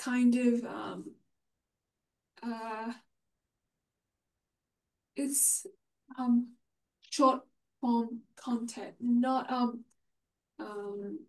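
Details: Man with aphasia following a stroke 6 years earlier, hospitalized for 6 months; reports difficulty speaking and has not read in six years; aphasia.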